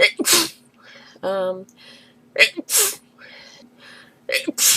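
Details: Three sharp, forceful sneezes in quick succession, each with a short catch before, brief voiced sounds between, from a girl answering the phone, looped edit; sneezing fit, possibly allergy.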